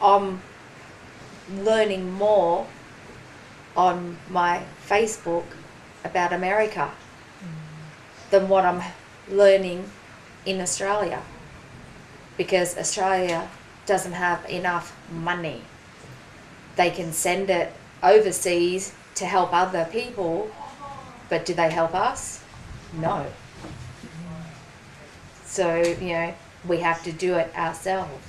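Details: Woman, 43, with aphasia after a ruptured brain aneurysm and stroke 4.5 years earlier, with one-sided weakness; slower speech and trouble getting words out; aphasia.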